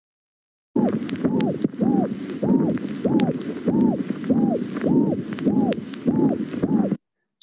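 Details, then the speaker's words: Seagull murmur heard in the aortic region with a tight valve: repeated high, cooing musical ejection systolic murmur with each beat, about 97 a minute, typical of very significant aortic stenosis. "this can be heard again in the aortic region and it is typical of course of very significant aortic stenosis"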